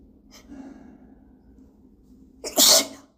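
Soft hitching inward breaths, then one loud explosive sneeze at the end; an ordinary sneeze.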